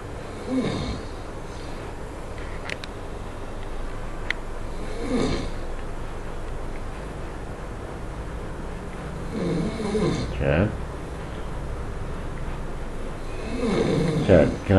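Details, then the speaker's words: Man snoring while asleep, recorded by a companion kept awake: low rumbling snores every few seconds, some snorting, over steady room noise. "Oh, I thought he was done snoring. No? Okay. Alright. So I stay awake then?"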